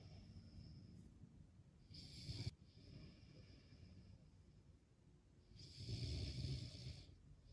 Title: Snoring😴 or Heavy Breathing😮‍💨 Please Leave a Comment